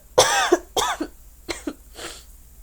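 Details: Three to four short, harsh cough bursts in quick succession, each ending in a brief voiced catch, from a sick student with an acute illness.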